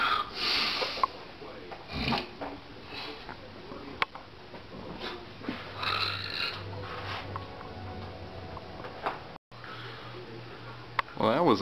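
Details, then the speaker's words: Adult man, a father with severe sleep apnea (later congestive heart failure, treated with CPAP), snoring in his sleep: irregular rough, rumbling breaths with snorts and sniffs over room noise. "I'm Cody Myers, and this is my father snoring."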